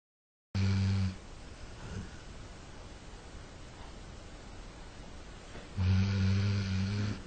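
Two deep, droning snores about five seconds apart, with quiet breathing between them: snoring.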